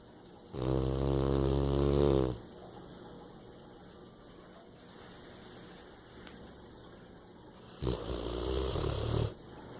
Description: She snores but she's a keeper !